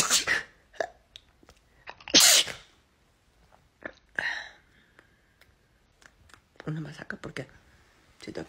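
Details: Rapid compilation of several quick, sharp sneeze bursts from females, mixed with brief talk, music and background noise; ordinary sneezing.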